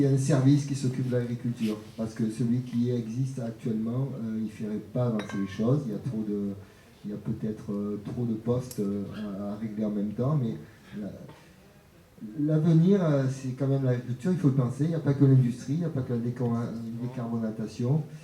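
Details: Adult male speaker; normal voice.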